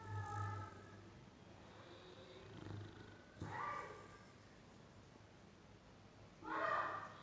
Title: Boxer dog snoring